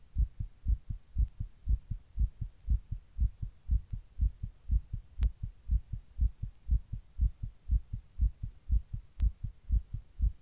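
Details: Person's own heart recorded while sitting in 100-degree heat during a heatwave: fast, regular paired thumps at roughly 120 per minute over a faint low hum; tachycardia.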